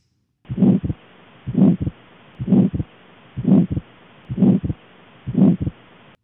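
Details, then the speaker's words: Pulmonic stenosis teaching audio clip: regular heartbeat near 63 a minute with an ejection click and harsh systolic ejection murmur, best heard at the left upper sternal border. "so pulmonic stenosis is going to be heard best at the left upper sternal border we're going to hear an ejection click"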